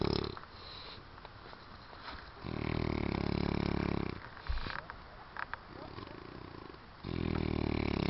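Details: Man snoring loudly after a long drive and after drinking alcohol: loud, rough rattling snores on each in-breath, about three in eight seconds, with quieter pauses between; room noise in background; snoring.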